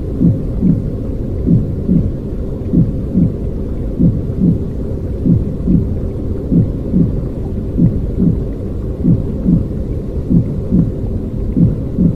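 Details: Simulated intrauterine white noise for baby sleep: steady, soft paired low heartbeat thumps about 48 per minute under a constant whooshing rumble.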